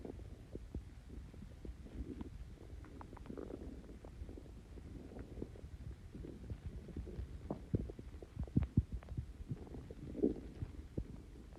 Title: Extremely bubbly coke and mentos stomach Growls